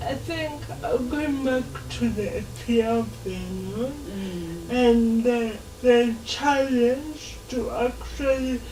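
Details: Dysarthria in a 27-year-old woman with lifelong cerebral palsy; she can speak but is given extra time to talk, in a real TV interview.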